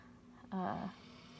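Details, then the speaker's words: Pet resting close to the microphone in a quiet room during a live reading, snoring: a single short, tonal, humming snore rising and falling between stretches of near silence. "can you hear bernice snoring i was so excited that i finally like had peace and quiet to do this reading like the day before the full moon and then she's like laying as close to the microphone as she can snoring her little heart out"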